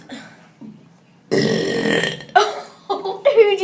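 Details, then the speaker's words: A long, loud, deliberate burp during a burping competition, after brief voices and followed by short laughing talk; burping. "I just burped up chicken burger. I can't. From the top. Chicken burger."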